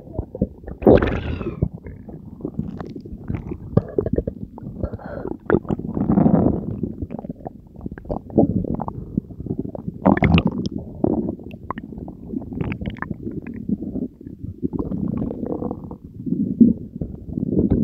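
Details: Continuous low gurgling, rumbling and squelching borborygmi with frequent bursts from the person's own belly after consuming Diet Coke and Mentos, recorded for ASMR; active digestion.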